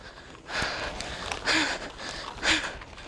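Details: High school girl with stuttering since about age six or seven, appearing mainly when excited or anxious as nervous energy such as heavy breathing; heavy breathing as a stuttering behavior.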